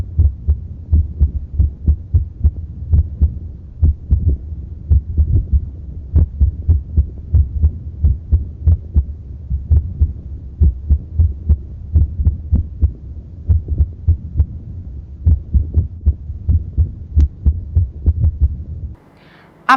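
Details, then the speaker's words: Rapid heart sounds with an irregularly irregular rhythm and first heart sounds that vary in loudness; atrial fibrillation. "as for atrial fibrillation there are three characteristics like followings irregularly irregular rhythm variable intensity of first-half sound heart rate is greater than pulse rate"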